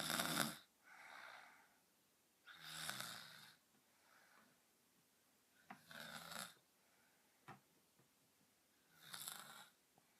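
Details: Girl snoring deeply: loud, harsh snoring breaths with quieter breaths and short pauses between them in a quiet room.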